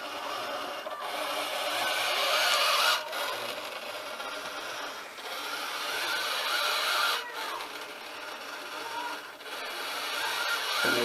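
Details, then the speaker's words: Automated bag-valve-mask (Ambu bag) ventilator demonstration, no patient: an arm pulled by an Arduino-controlled winch servo squeezes and relaxes the bag at about 14 cycles a minute, tidal volume around 700 ml; rhythmic rasping and rubbing of the bag. "there's the Ambu bag, or the BVM bag if you like. It's just being compressed and relaxed by the arm. There's the servo that winds in the cord there and pulls it down."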